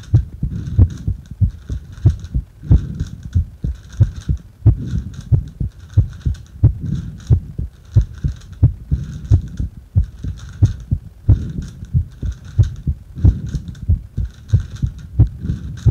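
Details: Steady low thumping heartbeat at about 90 beats a minute, recorded during rebreathing into a paper bag; heart sounds.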